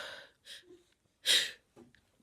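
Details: Adult woman with a cold after using chhinkni (herbal sneezing powder): short gasping breaths in, then a loud, explosive burst of air and a soft exhale. Gasping before a sneeze.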